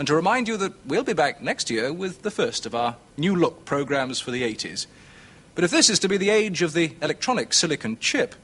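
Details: Adult presenter; Normal fluent speech.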